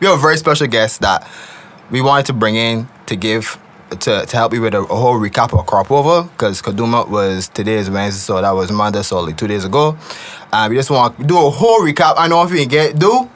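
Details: Adult male speaker; ordinary speech.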